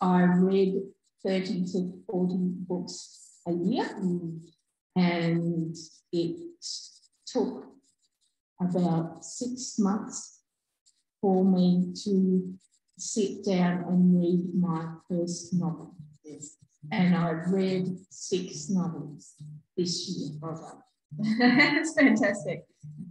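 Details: Adult woman, real stroke survivor, stroke in August 2020; initially could only say "um"; regained simple communication by about week two; residual word-finding difficulty and delayed output persist; aphasia after stroke.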